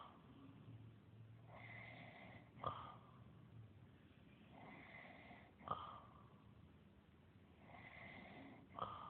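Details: Acted snoring by the character John the Carpenter in a dramatization: slow repeated snoring breaths, about 20 a minute, each ending in a sharp snort; simulated snoring.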